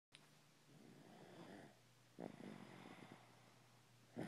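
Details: Sleeping 'big baby' snoring: soft, low rattling breath sounds in a quiet room with a brief snort; light snoring.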